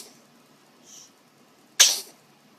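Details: Sneeze from an infant boy, whose parent expects about three sneezes like his daddy's: a faint soft breath, then a single sharp, hissy sneeze in a quiet room.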